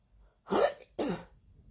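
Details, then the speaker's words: Adult cough that returned on waking in the morning after lungs were clear and almost no coughing the day before: two harsh, short coughs in a quiet room. "as you can hear the coughs have come back I woke up this morning coughing up and St peep the difference between right now and yesterday"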